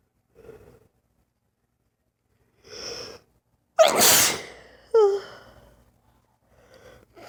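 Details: Indrawn breaths, then two forceful sneezes in quick succession with a vocal catch; lifelong sudden sneezing fits lasting 3-5 minutes for no clear reason, not allergies, no itch before or after; paroxysmal sneezing fit.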